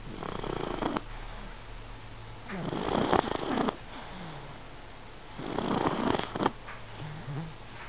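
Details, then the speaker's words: Jake, a puppy, naps and is recorded up close, with three rough, rattling breaths and quieter pauses between, about 23 a minute; snoring during sleep. "Here's Jake. He's having a nap and he's snoring."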